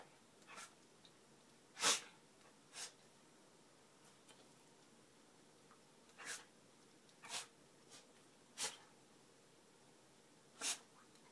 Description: My beagle sneeze a lot!